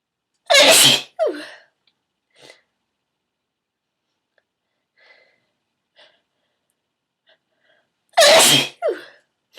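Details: Female, sneezes induced by tickling the nose with a bobby pin: two loud, forceful sneezes several seconds apart, each an explosive burst with a short voiced tail, quiet breaths between.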